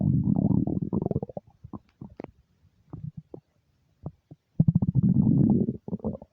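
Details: Hunger stomach growling (borborygmi) from an empty stomach: loud, gurgling, bubbling rumbles in bursts with brief quiet gaps, a normal finding.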